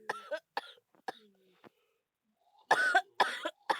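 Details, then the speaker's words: Cough in a person ill with a bad cough and cold, recorded while gaming: several short voiced coughs, some with throat clearing, separated by pauses. "I'm sorry guys, but I feel so ill. You might not know why I'm like this. It's because I still have the bad cough and colds again."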